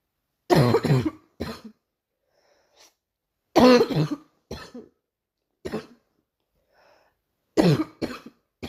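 Several short bursts of coughing in clusters with quiet gaps between them; a plain repeated cough.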